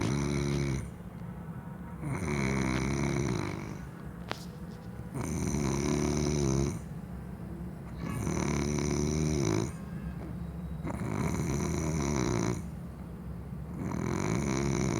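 Steady, loud, rattling snores about every three seconds, roughly 20 breaths a minute, with a low hum in the background: snoring.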